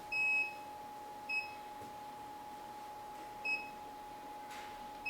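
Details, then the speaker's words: High electronic beeps repeating over a steady tone from an AED trainer in adult mode, charging after announcing a shock is advised and telling everyone to stand clear: AED charging tone. "그다음에 전기 충격 치료가 필요합니다 환자로부터 떨어질수 또 얘기해요 왜 얘가 리딩 되는 거 충전을 해 가지고 전기 충전 하면서이 불이 깜빡깜빡 되는 거예요"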